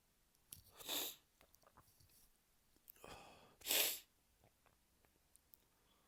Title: Allergy Sneezing Fit